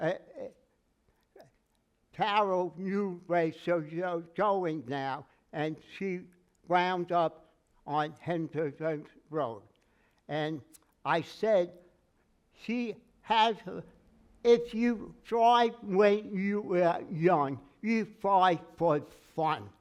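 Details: Aphasia in a man with word-finding trouble, treated with speech therapy including singing; took 3 years to talk; aphasia.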